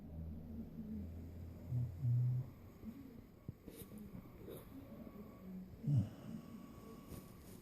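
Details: Buddy, a puppy, snoring after a long day: deep, low rumbling snores with snorty breaths between quieter stretches.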